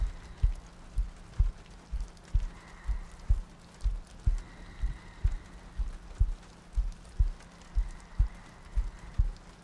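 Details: ASMR sleep-aid audio loop: steady low thumping heartbeat at about 62 beats a minute, with soft rain ambience and breathing in the background; regular heartbeat.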